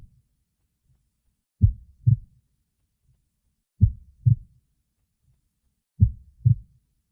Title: heartbeat sound